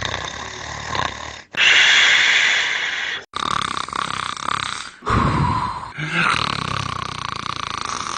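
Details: Several short, abruptly cut snoring sound effects: rough, noisy breathing from a man in deep sleep.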